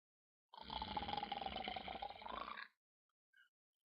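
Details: Snoring: one long, rough, rumbling breath of about two seconds with a fluttering rattle, then quiet; a single snore.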